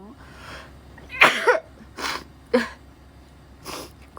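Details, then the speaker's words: Sharp, explosive sneeze burst, then brief breathy sounds and quiet voice in a small room; a Japanese woman livestreaming, who says she inhaled a sneeze and mentions hay fever and temperature-change allergy. "やばい。くしゃみ吸い込んでしまった。あかんわこれな。"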